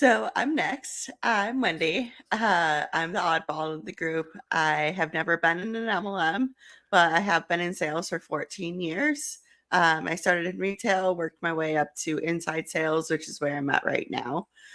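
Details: Adult woman speaking; typical speech.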